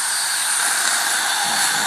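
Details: Dental high-volume suction through a mouthpiece adapter, running at about half power: a steady, airy hiss of strong suction drawing air, with no pauses.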